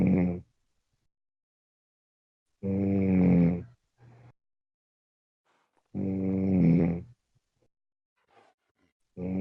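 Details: Snoring: regular groaning, rumbling snores on the in-breath, about 18 a minute, each followed by a short soft puff and silence.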